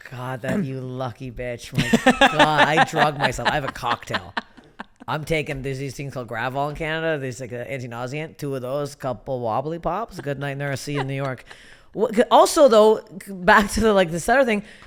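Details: Adult woman; typical speech.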